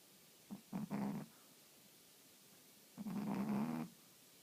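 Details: Two low, buzzing, rumbling breaths about two and a half seconds apart over a steady background hiss; snoring.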